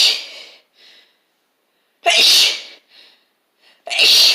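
Three forceful sneezes in quick succession, each with a sharp hissing burst and a brief inward breath between, a sneezing fit.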